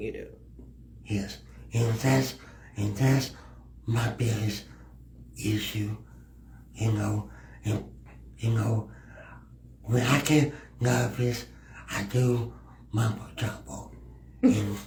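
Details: Male podcast guest who has a speech impediment; speech impediment.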